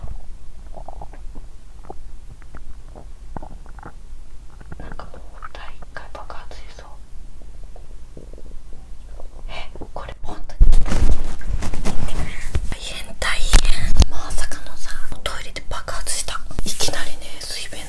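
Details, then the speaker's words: Abdominal sounds recorded by the person themself the day after finishing a first 7-day fast, with small but active gut movement: frequent low gurgling and rumbling that grows louder and busier halfway through, bowel sounds (borborygmi). "The sound of my stomach is small, but I was able to capture how my stomach moved actively."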